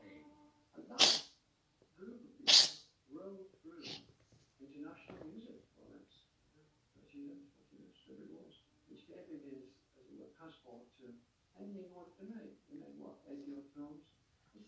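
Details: Cat sneezing after eating grass, which got a little straw into its nose: two sharp sneezes, then soft sniffing and snuffling breaths; sneezing.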